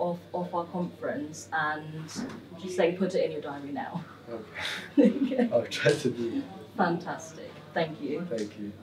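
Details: Adult woman speaking, with a second speaker and laughter; no speech disorder.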